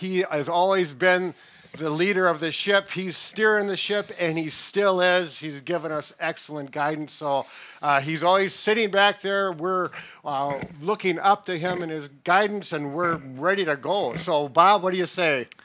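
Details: Adult male speaker; normal speech.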